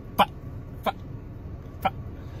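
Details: Three brief, abrupt hiccup-like throat sounds from an adult stand-up comedian with Tourette syndrome: simple vocal tics.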